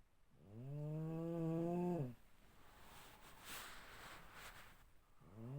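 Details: Snoring from a woman: a long, droning tone on the breath in, followed by a soft, noisy breath out, then the next drone starting.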